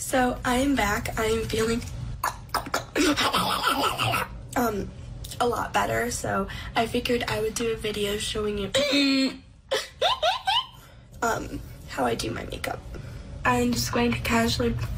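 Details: Vocal tics of Tourette syndrome in a 19-year-old woman with physical and verbal tics, plus OCD and depression; stress and anxiety worsen her tics.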